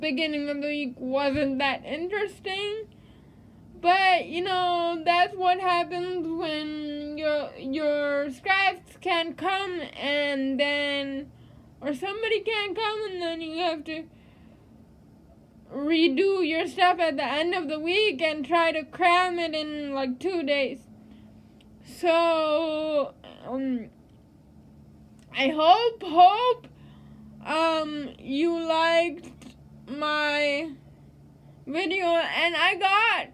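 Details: Speech of a woman who says she lives with cerebral palsy; no speech disorder is named; possible dysarthria in cerebral palsy.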